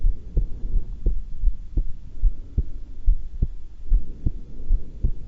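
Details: Person calm, not nervous, holding breath (held twice): steady low heartbeat thumps at about 70 beats a minute under a faint hum; normal heart sounds.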